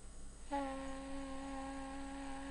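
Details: Sustained higher-tone 'ee' vowel during laryngoscopy, bilateral vocal fold nodules after 25 days of voice treatment: sustained vowel phonation with bilateral vocal fold nodules after voice therapy.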